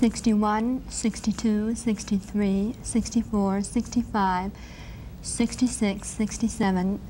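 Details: Adult woman with cleft palate, repaired at 18 months, counting after removing her palatal obturator/lift appliance; hypernasal tone, reduced volume and projection from nasal air escape, with good compensations; hypernasal speech (cleft palate, without obturator).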